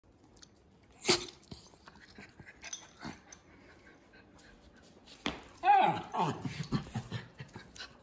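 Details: A miniature schnauzer dog sneezes, making funny noises.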